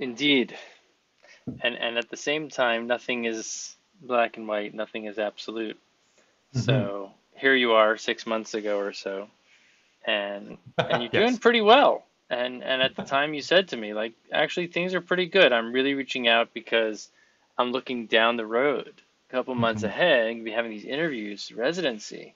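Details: Adult male speaker; typical speech.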